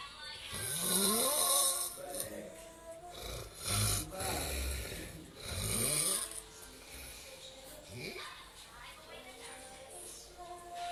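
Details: A man snoring during sleep in a live stream: loud, rough snoring in uneven bursts with pauses between, over faint background talk or music; snoring linked to sleep apnea.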